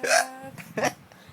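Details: Two abrupt voiced hiccups about half a second apart, sharp gulping catches of breath, from a person with ongoing hiccups after heavy drinking on a night out; hiccups.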